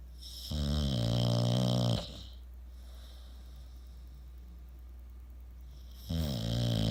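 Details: Snoopy snoring, recorded 24 October 2017: two long, loud, buzzing snores several seconds apart over a low steady hum.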